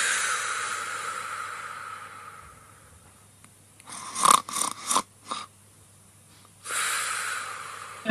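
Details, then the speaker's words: Real-time human snoring used in a snoring-detection demo: noisy, hissing breaths with a cluster of short snorting bursts, then another long noisy breath, with little low rumble. "And we also apply that to a snoring detection demo to detect the human snoring. And on the left-hand side is a real-time snoring sound."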